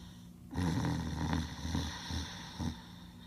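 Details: Max asleep, snoring soundly on a recording labeled voice over: a low, rough snort-like breath followed by a few fainter rumbling pulses; snoring during sleep.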